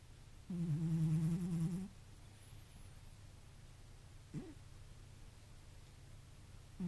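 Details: Cat sleeping deeply by a window: soft, low buzzing snore lasting over a second, then a brief snort, quiet room; snoring.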